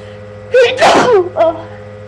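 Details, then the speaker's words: A person with allergies and watering eyes who has been sneezing all day and tries to hold it back: a voiced intake leading into a loud sneeze, then a brief vocal sound, over steady room hum. "Oh gosh, I've been sneezing all day. I'm not gonna sneeze anymore."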